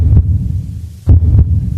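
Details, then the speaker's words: Low, dull lub-dub heartbeats in an educational cardiac cycle explainer; the first heart sound (S1), lub, arises from closure of the atrioventricular valves at the start of ventricular systole. "Immediately AV walls gets closed. Once it closes, it gives you the sound love which is the first sound of your heartbeat."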